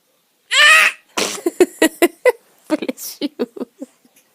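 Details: Baby sneezing: a single high-pitched sneeze followed by a string of short vocal bursts and giggly sounds; an ordinary sneeze.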